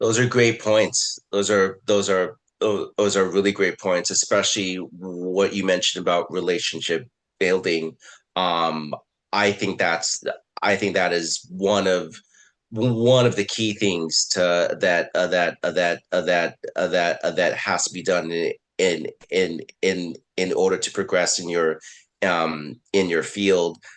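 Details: Adult man, a person who stutters, with repeated words and phrases; stuttering.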